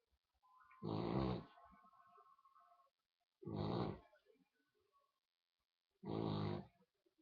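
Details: Snoring: three loud, low, rattling snores a few seconds apart in a quiet room, each followed by a quieter breath.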